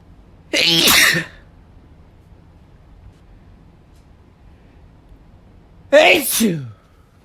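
Two separate sneezes, each a sharp burst of breath with a voiced cry, separated by several seconds of quiet room.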